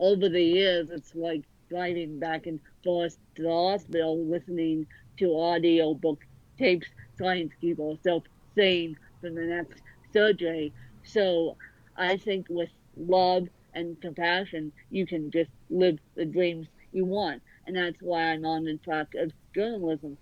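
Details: Dysarthria in a woman author born with cerebral palsy affecting both sides of her body; her speech is largely unintelligible to automatic transcription.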